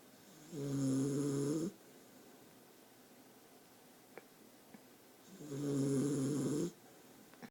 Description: My new dog Bailey snoring in my arms - turn up volume